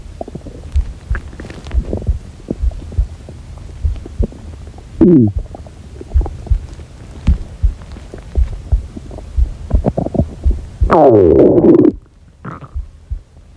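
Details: Hunger-related stomach growling (borborygmi) from a girl: ongoing low bubbling and popping gut noises with two longer squealing growls; a normal gut sound.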